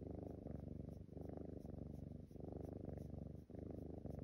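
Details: Steady, low, rough rumbling snores with brief dips between cycles from a sleeping Siamese cat.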